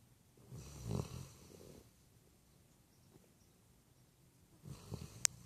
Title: Snoring Puppy